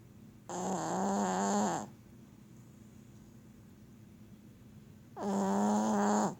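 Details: Loud snoring: two loud, drawn-out, droning snores about four seconds apart, with quiet between them.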